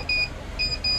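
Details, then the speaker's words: Repeated high-pitched electronic beeps over low machine hum: Bio-Med TV-100 transport neonatal ventilator alarming after ventilation starts because the patient circuit is not connected. "अभी यह alarm दे रहे है क्योंकि हमने circuit connected नहीं है"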